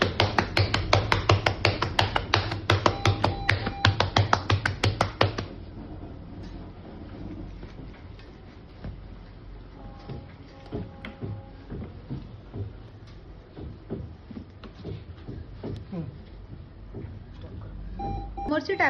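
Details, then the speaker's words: Chest physiotherapy on a patient lying supine: cupped-hand percussion starting with side tapping, rapid regular hollow claps about 165 a minute, then softer tapping; chest percussion (cupped-hand clapping). "तर हाताची position अशी पोकडी म्हणजेच cup shape हाते करून पेशंटला tapping सुरू करायची. पहिले साईड टॅपिंग"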